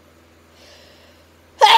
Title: Very loud autumn hayfever sneezes (check link in my bio for my premium sf content)